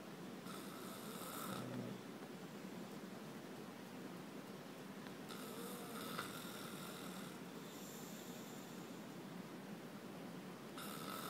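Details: Person snoring while asleep: faint, soft snores with steady background hiss, a few breaths heard several seconds apart.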